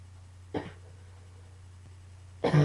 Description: coughing fit and a bit of allergies combines...phew lol